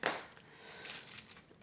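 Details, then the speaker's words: Adult woman demonstrating her cough, frequent during the day and worse evenings and nights, with a hoarse, deep voice, during a winter illness. "je tousse énormément énormément dans la journée ça va je pense que vous devez l'entendre sur ma voix une grosse voix voilà je tousse comme ça"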